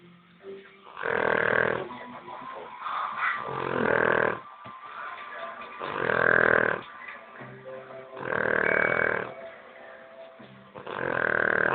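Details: Pet Rosie asleep: loud, rough, rattling snores about every two and a half seconds (about 25 a minute), faint background music; snoring.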